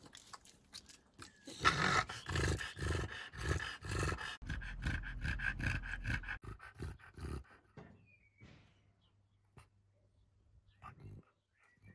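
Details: Stertorous snorting breathing in an English bulldog: loud, rapid snorting and rasping breaths about two per second, then fading quiet.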